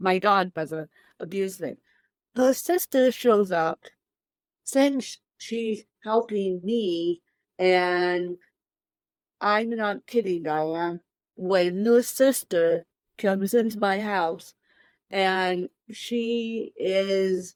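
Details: Dysarthria in an adult woman with cerebral palsy present from birth, born 13 weeks premature at one pound thirteen ounces; real, unacted speech.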